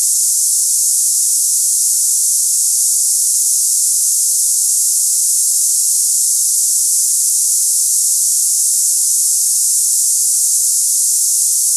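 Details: Tinnitus simulation (high-pitched hissing).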